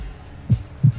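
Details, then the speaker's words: Stethoscope placed on the chest at a children's museum: two low thumps, a single heartbeat lub-dub, over steady background hum and music; heartbeat heard through a stethoscope. "this is a stethoscope and they use these to listen to your heartbeats so they put it in their ears and then place it right on your chest"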